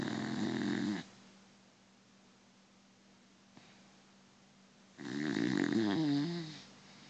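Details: Snoring in a sleeping Beagle: two loud rough snores with a long quiet pause, the second ending in a tonal whistle.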